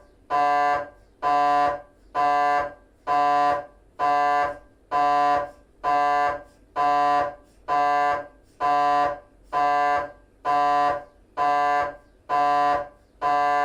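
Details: GE 3T MRI scan of the temporal bone (petrous bone): loud, regular half-second buzzing tones, about 65 a minute; gradient noise during a T1 axial FSPGR 3D sequence.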